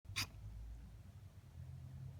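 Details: Dog gives one brief, sharp short cough, then looks normal, followed by quiet breathing and low room noise; single cough.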